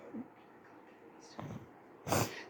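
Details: Sneezing while watching a show, with a few little coughs too: a soft intake then a sharp burst, a single sneeze over quiet room noise with TV dialogue.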